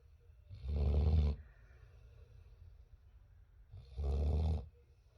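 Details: Two deep, rumbling snores about three seconds apart from a Boerboel (Mastiff) puppy, each under a second long, with quiet pauses between them.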